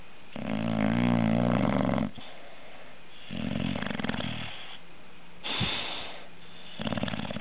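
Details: Sleeping dog snoring: repeated rattling, throaty snores in slow breath cycles, each in-breath a buzzing rumble with softer out-breaths between.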